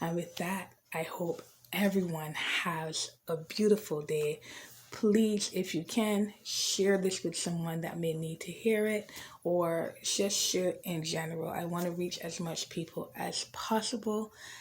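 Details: Real, unedited recording of an adult woman, a mother of two, with a debilitating stutter since age five that began after a traumatic family change; she also has dyslexia and a pronounced lisp, had speech therapy around age 19–20, and uses hand movements; stuttering.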